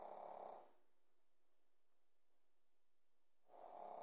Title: snoring pekingese puppy - juju bear